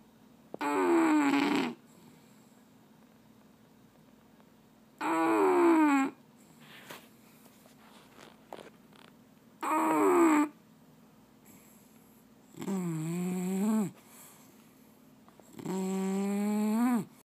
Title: Soprano snoring Rio